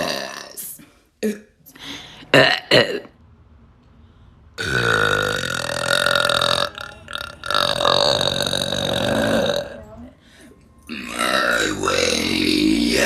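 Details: Several loud, long, deep voiced burps, some drawn out for seconds, separated by short pauses; burping.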